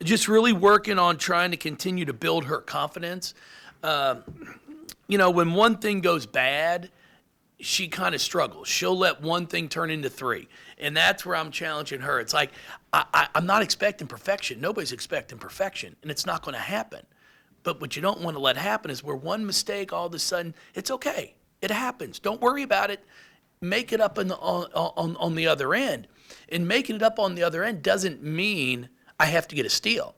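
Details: Adult man with lifelong stuttering, speech therapy from first to eighth grade, now much improved; he anticipates which words he will stutter on and substitutes them; stuttering.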